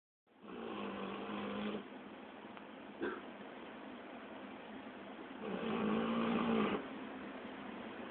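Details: Two long, rough, buzzing snores from a sleeping dog, with a quieter breath between them; ordinary snoring.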